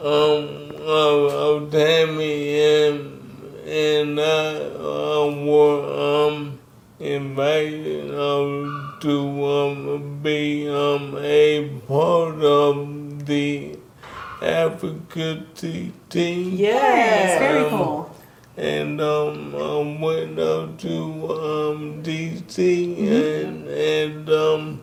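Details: Dysarthria in a man in his 60s with ALS, diagnosed in 2020 after symptoms began in 2017; the disease first affected his speech, starting with a raspy voice.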